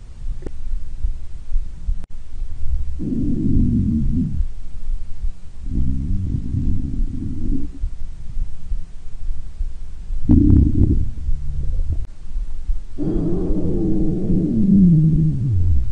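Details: Stomach growling, TV-show audio reportedly taken from a hungry girl's stomach growling: four low gurgling rumbles in a row.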